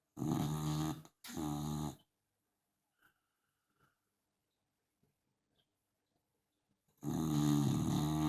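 Loud, harsh, rattling snores in long bursts, separated by a silent pause of several seconds: heavy snoring in a sleeping dog.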